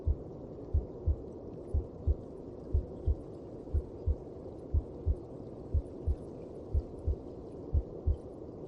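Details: Regular, muffled double heartbeats at about 60 a minute under a steady whooshing hum: a heartbeat heard in the mother's belly.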